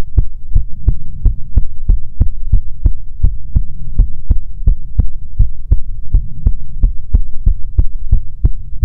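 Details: ASMR heartbeat recording: steady, regular low thumping, about 150 thumps a minute, likely paired lub-dub beats near 75 a minute, with a low hum; normal heartbeat.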